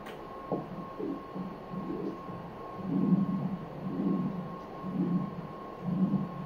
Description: Venous ultrasound uses sound waves to produce images of the veins in the body.